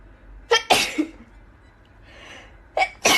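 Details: Young Chinese woman sneezing, around self-administered nasal swab testing: two pairs of sharp, explosive sneezes, each with a quick intake of breath before the burst.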